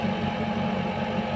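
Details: Steady low mechanical hum with faint rhythmic compressor pulsing from a Homed JLO 590 Si 5 LPM oxygen concentrator running normally, flow set around 2–3 litres per minute.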